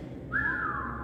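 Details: Expiratory wheeze during lung auscultation teaching, heard on breathing out as air leaves the airways.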